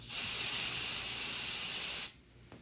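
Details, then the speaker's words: Cold spray applied to the skin before a local anaesthetic block for removing a painful cutaneous horn at a podiatry visit: a steady hiss of about two seconds, then it stops. "You're gonna, all right, here comes the cold spray, then a little bee sting, okay?"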